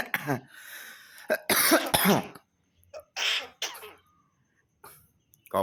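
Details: Myna bird (jalak kebo) being trained to talk, repeating "kopi" and imitating a human cough: several harsh cough-like bursts and throat-clearing sounds, mimicry rather than illness.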